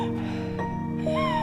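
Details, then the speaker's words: A doctor's asthma lesson demonstrates the breath sound heard on expiration in asthma: several steady, musical whistling tones at different pitches, a polyphonic wheeze. "selain sesak nafas pasien asma juga bisa timbul adanya bunyi ketika ekspirasi atau ketika mengeluarkan nafas yaitu hubungi wishing Seperti apa bunyinya bunyinya seperti ini"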